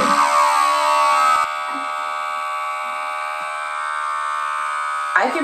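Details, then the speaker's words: Commander USB rechargeable electric vacuum erection pump, tested with the sleeve pressed flat against a hand: loud buzzing that settles into a steady, fairly quiet motor hum as pressure builds. "interesting i've never felt something like this before it's not too loud which is nice"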